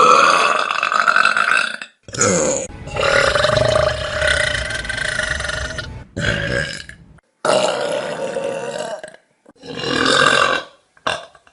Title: Best Burps From Vine || #23 || June 2015